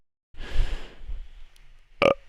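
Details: A man burping after saying his stomach hurt: a long, low, rumbling belch, then a brief sharp sound.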